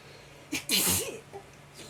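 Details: Sneeze attack, sneezing non-stop: a short indrawn breath followed by one forceful, hissing sneeze burst with a voiced tail; a single sneeze.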